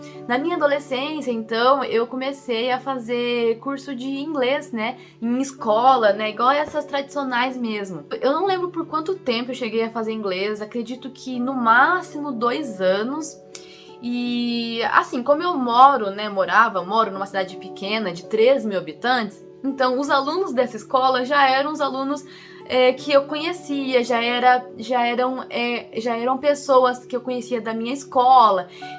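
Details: Adult woman, 25, who stutters, speaking Portuguese; stuttering.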